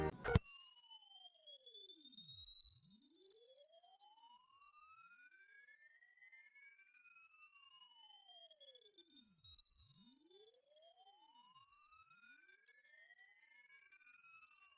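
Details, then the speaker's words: Hearing-age test: pure high-pitched tone gliding steadily upward with fainter overlapping sweeps, counting down from age 85; the point where the tone is no longer heard indicates ear age. "This number also drops from 85 and after a certain point, we don't hear it anymore."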